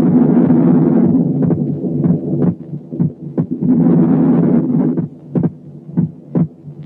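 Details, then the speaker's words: Normal physiological (inspiratory) splitting of the second heart sound, heard at the pulmonary area and along the left sternal border, typical in normal people and especially children: splits on inspiration, single on expiration, with loud breath noise. "في الإنسان الطبيعي وخاصة الأطفال السكند ساوند بيبقى سبليت لتو كومبوننتس في الانسبيريشن، ويرجع سنجل في الاكسبيريشن."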